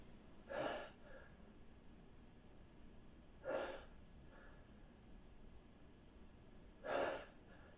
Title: Sneezing attack